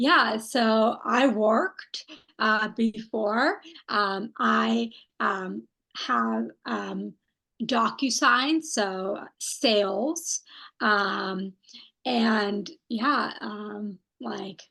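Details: Non-fluent aphasia in a young woman after a stroke at age 27, with right-sided weakness; she is a stroke research study participant.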